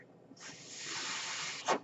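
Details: A steady airy hiss ending with a brief sharp puff as a man's own ventilator delivers a breath while he records a spoken podcast: mechanical ventilator breath cycle.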